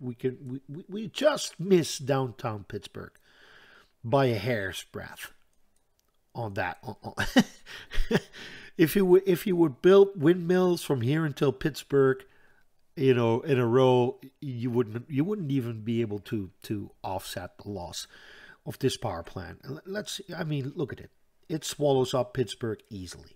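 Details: Adult Dutch man with self-reported stuttering that he says is always audible, a stutter in which he hangs up between words; this stretch has word repetitions; stuttering.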